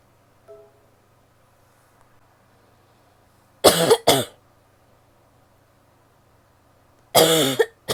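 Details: Female coughing: two harsh coughs close together in a quiet room, then a third cough a few seconds later.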